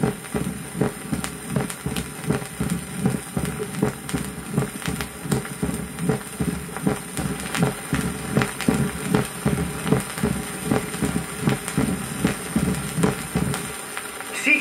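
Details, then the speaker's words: 1959 teaching record: mitral stenosis (narrowed left atrioventricular orifice), short crescendo presystolic diastolic murmur, loudest at start and end of diastole, ending in a loud snapping first heart sound; regular rhythm near 77 per minute. "прослушайте диастолический шум при сужении левого атриовентрикулярного отверстия он лучше всего слышен в начале и в конце диастолы то есть пресистолический шум короткий нарастающий заканчивающийся первым хлопающий тоном"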